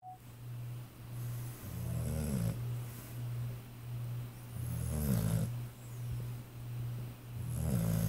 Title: Snoring pit bull